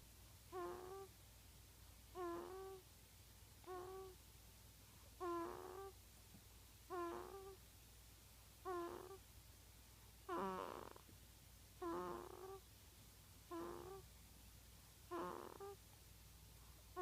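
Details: Sleeping newborn: soft, squeaky noises on each breath, about 36 a minute, in a quiet room; a baby version of snoring.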